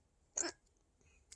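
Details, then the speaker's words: A cat-voiced narration complains about loud hiccups from a tiny human lying beside a cat; hiccups. "am I supposed to rest with all those hiccups they're rather loud right by my kitty ears no more hiccups stop them now stop them stop them now"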